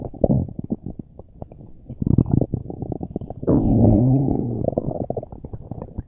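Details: Loud bowel sounds: gurgling, rumbling stomach noises with rapid bubbling bursts and a long growl; borborygmi.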